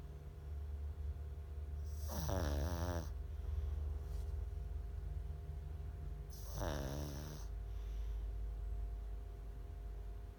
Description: Hank our senior Pug sleeping and snoring